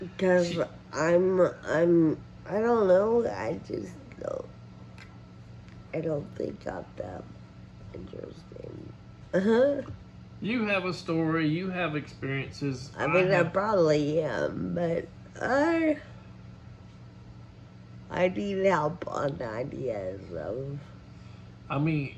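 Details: Adult woman with advanced, progressive Friedreich ataxia, a neuromuscular disease affecting all her muscles and nerves; ataxic dysarthria.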